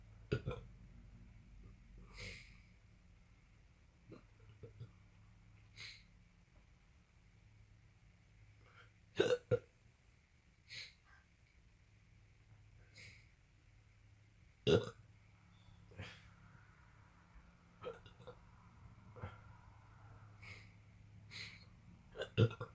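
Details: An adult with constant hiccups for 3 days, recurring after an episode over a week earlier, not helped by medicines; repeated sharp hiccups several each minute over a low room hum.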